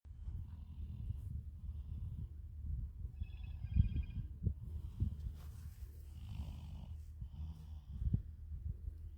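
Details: Woman snoring (and drooling) while asleep, filmed for humor; snoring.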